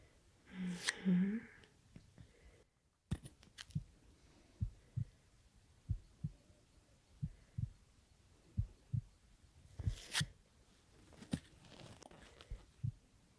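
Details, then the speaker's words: Young adult born 1997, annual checkup in ASMR role-play, stethoscope at second intercostal space: soft regular low thumps about 70 per minute with rustling, no murmurs; normal heart sounds. "No murmurs, so okay. Really strong heart. Good to hear."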